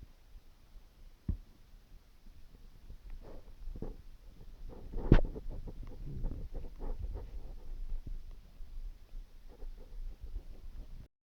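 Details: Hungry person's stomach rumbling after drinking water: low, irregular gurgling and rumbling with a few sharper pops in a quiet room, ordinary bowel sounds; a cell phone goes off partway through.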